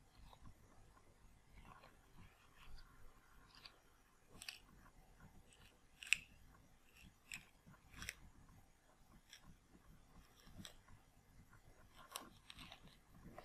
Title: ASMR | Ear wax removal most impressive (Part 07)